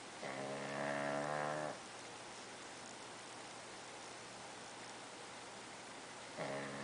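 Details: Six-month-old pug asleep, cuddling with another dog: a long, buzzy, tonal snore on the in-breath, then a quiet pause and the start of the next one; snoring.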